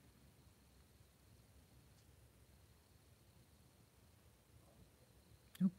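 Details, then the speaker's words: Adult whose stomach has been hurting and who has been sick; in a quiet room, one brief, squeaky, gurgling rumble that drops in pitch near the end: stomach growling (borborygmi). "that was my stomach. Oh, did you hear that? Oh, tell me you heard that."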